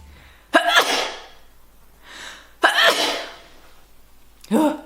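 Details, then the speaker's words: Girl sneezing: three loud sneezes in quick succession, each a sharp explosive burst with a brief voiced onset, quiet breaths between; sneezing. "But oh my god, I'm going to sneeze. Bless me."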